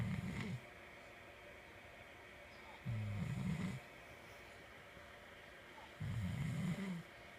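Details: Snoring: three low, rumbling snores about three seconds apart, roughly 20 a minute, with quiet pauses and faint room noise.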